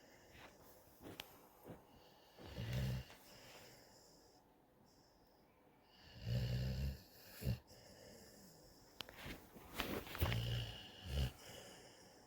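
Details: Young, fast-growing watch dog that drools heavily, asleep with her tongue out, giving soft, low snoring bursts on inhalation, about three in twelve seconds, with faint snuffling between; snoring.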